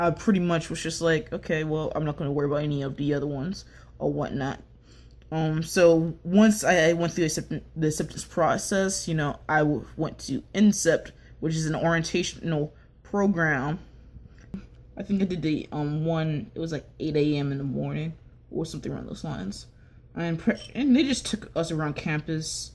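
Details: Young woman who says she has a little bit of a stutter; stuttering.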